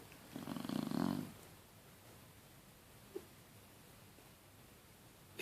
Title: Snoring Shar Pei